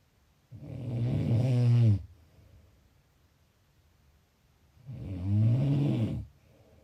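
Two loud, low rattling snores on in-breaths about four seconds apart, with quiet pauses between; snoring at roughly 14 breaths a minute.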